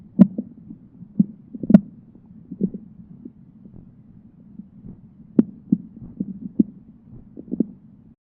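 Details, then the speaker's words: Normal bowel sounds auscultated with stethoscope diaphragm over the right lower quadrant of an adult abdomen, before percussion and palpation: irregular soft high-pitched gurgles and clicks every few seconds with quiet gaps. "let's start in the right lower quadrant bowel sounds are most common here and sound like high-pitched gurgling every few seconds"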